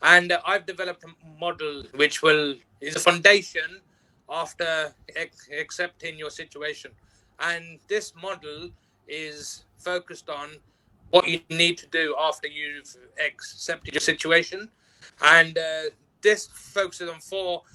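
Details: Adult professional who stutters and has found it very difficult at work but reports overcoming much of it through working on himself; stuttering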